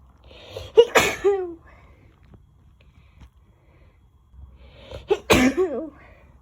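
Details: Adult sneezing fit: two forceful sneezes about four seconds apart, each preceded by a sharp in-breath and ending in a voiced tail.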